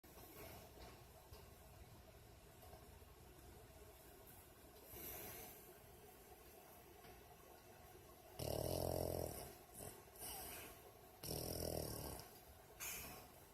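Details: Sleeping female dog snoring like a person, lips moving at times as if dreaming: rough, rattling snores in short bursts over steady room noise.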